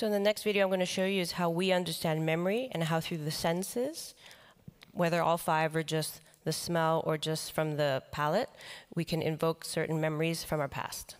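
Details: Man with the neurological disease dystonia, which in his case impairs control of his neck movements and can affect other body parts; he says he has no real tone of voice: voice affected by dystonia.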